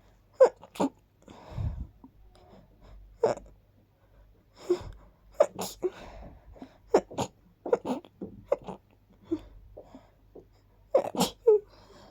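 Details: About a dozen small, quiet, sharp sneezes in twelve seconds in a quiet room; repeated sneezing, possibly caused by dust and pollen.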